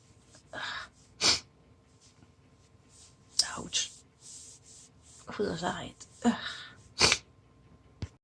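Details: Adult on day 2 of a cold, self-induced sneezing recorded with an LG G6 phone: several sharp, explosive sneezes with quick breaths drawn in between, in a quiet room; repeated sneezing.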